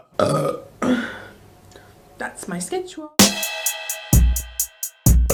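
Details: Compilation of female burping, March 2025: a few loud, gravelly belches from the throat, with music and sound effects in the background; ordinary burping.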